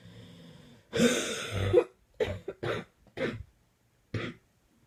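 A long rough cough followed by four shorter cough bursts in quick succession; a coughing fit.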